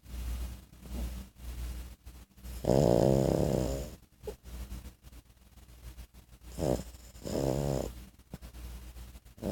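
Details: Sleeping 14-week-old French Bulldog puppy with loud rattling snores on each breath in and quieter snuffling between; snoring.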